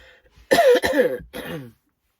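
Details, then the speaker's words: Adult woman whose illness has taken a worse turn: three quick, harsh, voiced coughs in a short burst; cough. "And uh as you can probably hear, it's taken a bit of a worse turn, but um I can't call and see the doctor because I'm out today."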